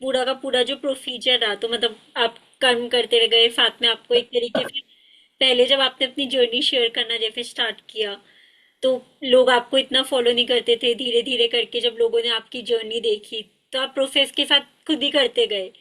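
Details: Adult woman speaking Hindi; normal speech.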